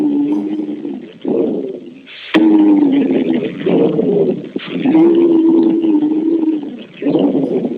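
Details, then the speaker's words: Demonstration of a wheeze, as heard through a stethoscope in an asthma attack or airway inflammation: musical whistling tones run through the breath sounds across several breaths, named for its resemblance to a whistle, from narrowed airways. "pero en este caso pues la sibilancia tiene su nombre debido a la similitud a un silbido"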